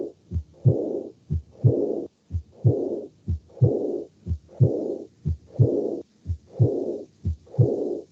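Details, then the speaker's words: Aortic regurgitation heart sounds: regular beats at about 61 a minute, each followed by a soft, blowing diastolic murmur that starts louder and then fades. "va a producir un soplo y esto también pero sobró de la insuficiencia orden que es un soplo aspirativo el hombre propenso"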